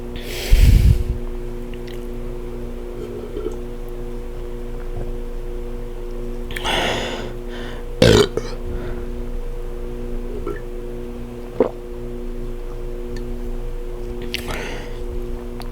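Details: Close-up burping after gulping foamy soda, with heavy breathing; a few low, rumbling burps and breathy sounds over a steady engine-like hum: belching.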